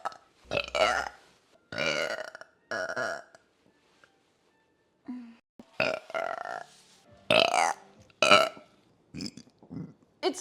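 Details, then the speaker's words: Female repeatedly burping; a series of loud, drawn-out belches, about eight in ten seconds, with pauses between them. "still oh boy [ __ ] I burp way too much guys like huh not excuse [Applause] me"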